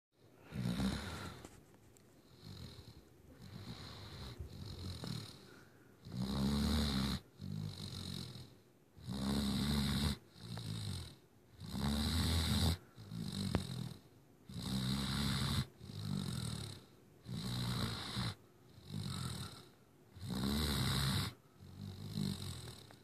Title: Sheldon the Great Dane puppy snoring.